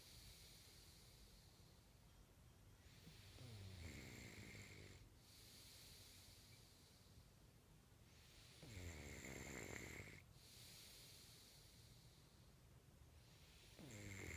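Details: Sleeper snoring, recorded in 2014: three soft, rattling snores roughly five seconds apart, about twelve breaths a minute, against a steady room hiss.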